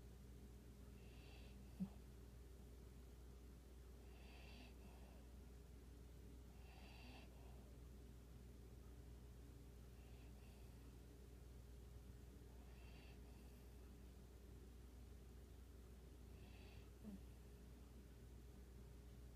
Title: What a relaxed Saturday afternoon sounds like around here. A sleepy and noisy puppy.